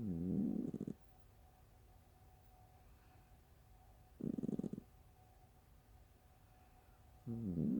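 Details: Short, low, flapping, buzzy sputtering snores every few seconds from a sleeping cat, likened to farts; harmless snoring.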